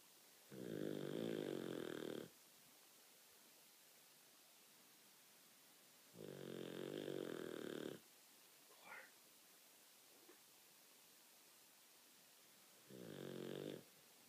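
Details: Olde English Bulldogge snoring loudly in sleep: slow, rattling snores about every six seconds over a steady hiss.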